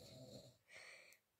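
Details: Adult man (the recorder's sister's husband) asleep at 1 a.m. in a dark room: brief rough, rattling breathing noise with a whistling edge, likened to a bullfrog croaking. Snoring.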